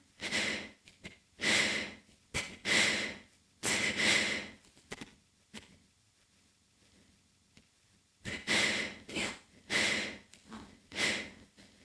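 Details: Snoring-type noisy breathing during sleep: harsh breaths with snorting bursts in clusters, separated by quiet pauses.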